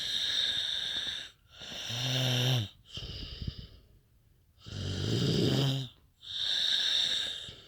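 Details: Loud snores, some with a rough buzzing tone on the in-breath, alternating with whistling breaths; loud snoring.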